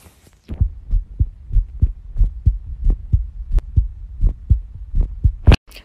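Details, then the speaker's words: A person's own heartbeat recorded by holding a phone against the chest: steady, even low thumps at about 75 beats a minute. "like what they say if you put your phone on your chest you can hear heartbeats so let's go"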